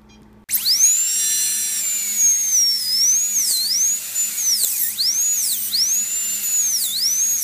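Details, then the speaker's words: High-pitched dental drill whine that dips in pitch as it bites. It is sectioning the slab-fractured upper fourth premolar of a small Papillon dog into three pieces, including a palatal cut, during surgical extraction after flap elevation. "so the next step is going to be to section this tooth into three pieces I'll make a cut from here to here and then it cut down here on the palatal side"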